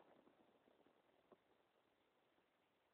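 Faint, soft gurgling and bubbling bursts from an adult's stomach, fading after the first second or so.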